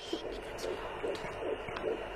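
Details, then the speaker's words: Fast, regular whooshing fetal heartbeat about 140 a minute with steady hum, heard by a midwife with a Doppler device at 14 weeks of pregnancy; fetal heartbeat on Doppler. "einen wunderschönen guten tag der hebamme war bei uns haben die herztöne von baby gehört"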